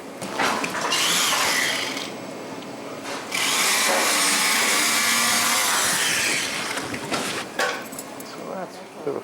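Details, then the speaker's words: Buzzing, grinding power-saw bursts over operating room noise as a sternal saw opens the breastbone of a 5-month-old with tetralogy of Fallot during open heart surgery; sternal saw during sternotomy. "do so that's just sawing open the breast bone"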